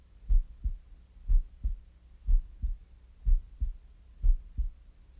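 Steady paired low thumps, lub-dub, at about 60 beats a minute; a regular heartbeat.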